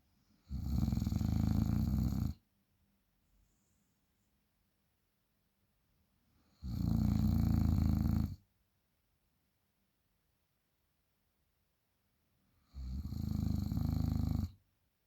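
Three long, loud, low rattling breaths about six seconds apart, roughly ten a minute, with silence between: snoring.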